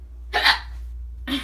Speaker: oh man I've been having hiccups old all day ever since yesterday they have not stopped ever since last night